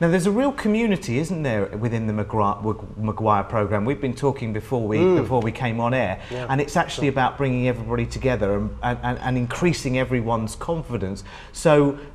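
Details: Adult male presenter; fluent speech, no speech disorder.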